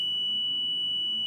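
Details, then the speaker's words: Home oxygen concentrator alarm: a single sustained high-pitched electronic beep, sounding much like a smoke detector's low-battery chirp, sometimes heard in the middle of the night. "sometimes we get those in the middle of the night some will call it sounds exactly like your smoke detector when your battery is low and the alarm goes off"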